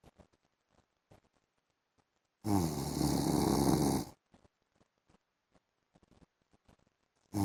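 One loud, rough, rattling snore lasting under two seconds, with quiet room sounds and faint clicks before and after: snoring during sleep.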